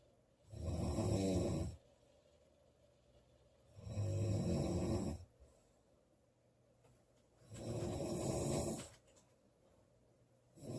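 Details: Girl snoring during sleep: loud, low, rumbling snores on each breath in, about 17 breaths a minute, with quiet pauses between.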